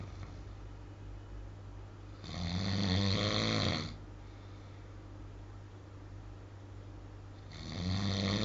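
Loud, rattling snores on inhalation, about five seconds apart, with quiet breathing between: ordinary heavy snoring.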